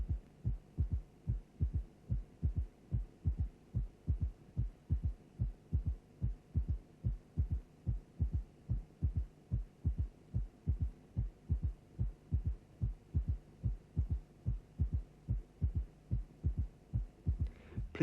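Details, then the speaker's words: Simulated heartbeat near 73 per minute with a soft, low third heart sound (S3 gallop) slowly faded out and then reintroduced for comparison. "Now we will slowly remove the third heart sound and then reintroduce it."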